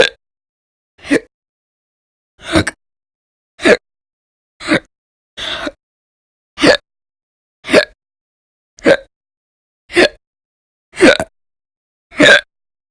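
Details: Persistent hiccups recorded audio-only in January 2020, described as violent, loud and silent; earlier bouts lasted roughly 2–13 hours a day in late December 2019. Sharp, abrupt gulping hiccups recurring about once a second, roughly 54 a minute.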